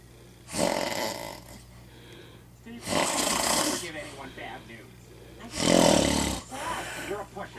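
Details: Three loud, harsh snores in irregular bursts, with television dialogue playing between them; snoring, presented as a person with sleep apnea.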